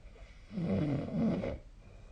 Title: 🐽 本日のイビキ / Snoring Sleep Sound 2025/02/05